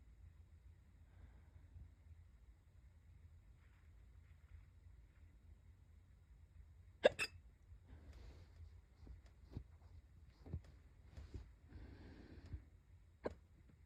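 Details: Hiccups that have come back after stopping: short, sharp, repeated hiccup sounds a few seconds apart over quiet room noise; hiccups.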